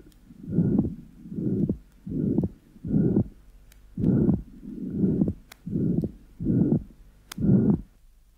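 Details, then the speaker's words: Ventricular septal defect with normal pulmonary artery pressure, about 80 beats/min. Harsh crescendo-decrescendo pansystolic murmur extending up to A2. The patient is breathing: S2 splits normally on inspiration and closes on expiration. P2 is slightly loud from increased pulmonary flow, with sinus arrhythmia. "the MMA is Crescendo de Crescendo and extends up to A2 the patient is breathing and the second heart sound is normally split with inspiration and closes with expiration"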